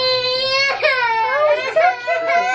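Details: Strong, sustained wailing cry with clear pitch and breaks between breaths from a vigorous newborn baby boy just after an accidental, unassisted home birth: newborn cry.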